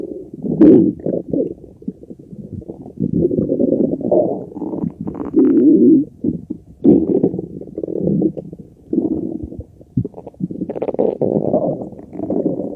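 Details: Very loud digestive bowel sounds (borborygmi): repeated gurgling and rumbling stomach noises in bursts over about 13 seconds.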